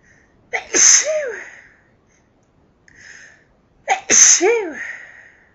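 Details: Person sneezing repeatedly from house dust: two loud, explosive sneezes with a voiced cry at the end of each, separated by a brief breath.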